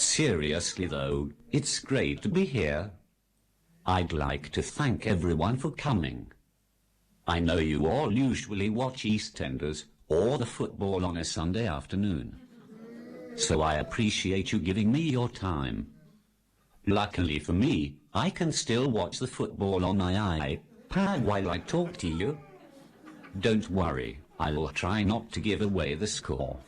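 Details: Text-to-speech communication aid; Synthetic speech from a speech-generating device.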